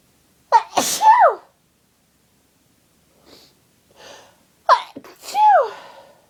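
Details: Two loud sneezes, each with a gasping lead-in and a voiced burst falling in pitch, soft breaths between, from an adult with a cold having repeated sneezing fits in bed; sneezing.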